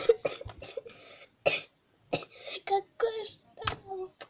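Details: A child with what is described as a terrible cough gives a run of short, sharp coughs with breathy, hissing tails, mixed with brief voiced sounds.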